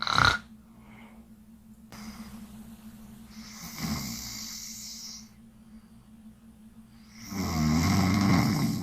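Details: Snoring during an overnight sleep livestream: low, rumbling snores with a breathy hiss between them.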